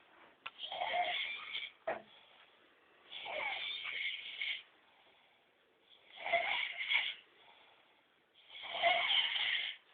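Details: Ivan sleeping: loud, rasping snores about every two to three seconds, four in this stretch, with quiet gaps; heavy snoring.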